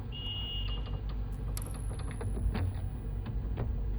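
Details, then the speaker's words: Real NICU recording of a preterm baby in active sleep between care, from a 10-hour observation: a short electronic monitor alarm rises over quiet unit noise, followed by distress signs and waking. "So it's not well installed because it's in between care, and the baby was sleeping in active sleep state. And look, the alarm is coming,"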